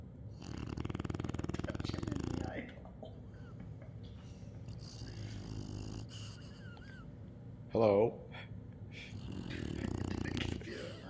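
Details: Rhythmic low rattling breaths with a snort midway, in a quiet room; a sleeping dog snoring.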